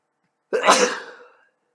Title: Back and Sneezing Again